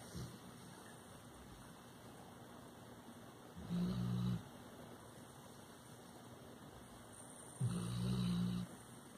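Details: Labrador Retriever dog Jackson sleeping, giving low, rattling snores about every four seconds against quiet room noise; snoring.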